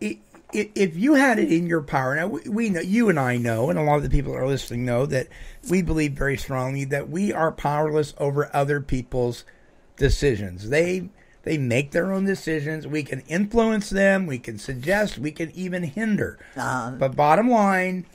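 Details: Adult speaker; ordinary speech.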